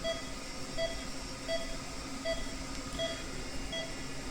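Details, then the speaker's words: Short regular beeps at about 81 a minute from the pulse oximeter of a Philips anesthesia monitor, each marking a heartbeat, over low hum; SpO2 reads 100, recorded while comparing against a smartwatch. "Okay pulse oximeter connect ആക്കിയിട്ടുണ്ട് okay അപ്പോ watch വാച്ചി നമുക്ക് stand by മാറ്റിയിട്ട് oximeter നോക്കാം"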